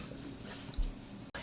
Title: stomach growling (Vol. 1)